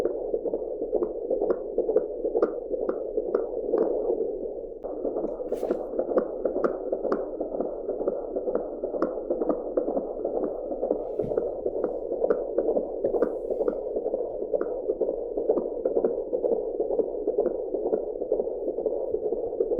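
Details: Fetal heartbeat recorded with an Angel Sounds home fetal Doppler, heartbeat sound only: rapid, regular whooshing pulses at about 128 a minute, within the normal range.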